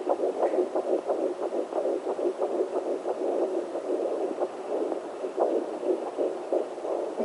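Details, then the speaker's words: Doppler on pregnant abdomen: rhythmic whooshing of maternal pulse through the placental artery, a different, slower rate, with the faster fetal heartbeat faintly underneath; normal fetal and placental sounds. "n you can hear that's completely different than babies that's the artery that's my heartbeat off the placenta and you can see the different heart rates and the difference in sounds there you go that's the placenta and baby again"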